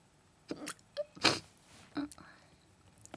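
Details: Hiccups: several short, abrupt catching sounds with small voiced squeaks, spaced irregularly.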